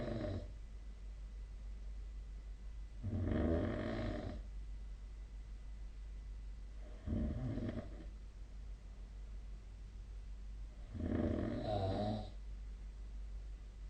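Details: Sleep snoring recorded with the SnoreLab snore-tracking app: four low, rumbling snores on the in-breath, about one every four seconds, roughly 15 breaths a minute, over steady room hum; snoring.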